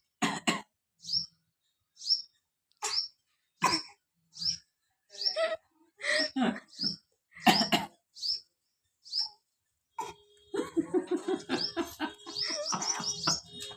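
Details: Baby imitating a cough: a series of short, soft, deliberate cough-like bursts, then babbling.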